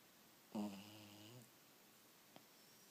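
A single low, rattling snore from a sleeping dog in a quiet room.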